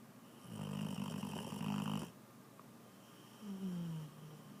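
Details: Small female dog asleep, very loud snoring; owner jokingly suspects sleep apnea: two low, buzzing snores on the in-breath, a soft whistle on the second; snoring.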